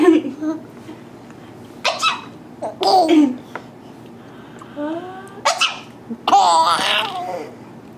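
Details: Woman making fake sneezes: sharp sneeze bursts each followed by a young child's bright, bubbling laughter in a quiet room.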